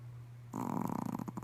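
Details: Pomeranian dog snoring during a midday nap: a brief rattling, fluttering snore on one breath, over a steady low hum.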